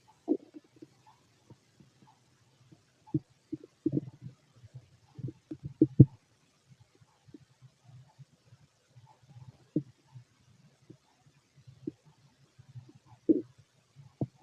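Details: Fit adult male, stethoscope auscultation of the stomach: frequent short gurgles, clicks and low growls in a quiet background; normal active bowel sounds, stomach growling.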